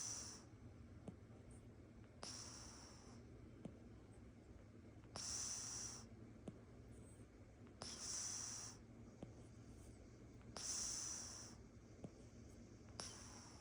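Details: Oriental Shorthair cat snoring while asleep in a lap: soft, hissy breaths about 22 a minute over a low room hum.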